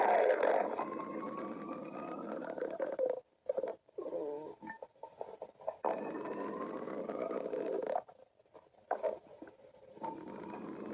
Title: stomach growling